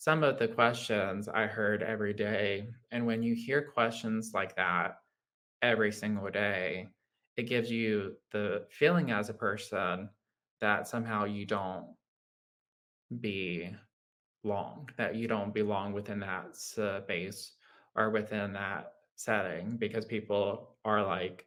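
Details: Adult man with lifelong childhood apraxia of speech, a neurological motor speech disorder; childhood apraxia of speech.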